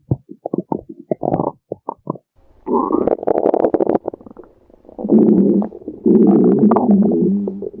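Bubbling, gurgling rumbles, at first short and choppy, then longer drawn-out growls: ordinary stomach growling (borborygmi), a normal gut sound.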